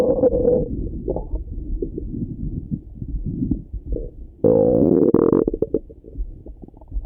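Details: Irregular gurgling and rumbling bursts with a longer growl midway, heard through a stethoscope over the stomach in the morning; normal active bowel sounds (borborygmi).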